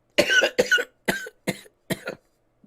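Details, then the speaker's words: Five sharp adult cough bursts in quick succession, several doubled and hacking, after smoking from a bong. "remind me to never hit no bong before i start the show remind me to never ever do that again my camera all [ __ ] up i'm coughing"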